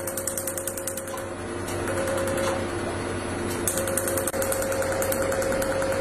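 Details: Enlighten PICO picosecond laser firing during tattoo removal treatment: rapid, steady clicking pulses, about 200 a minute, over a continuous machine hum.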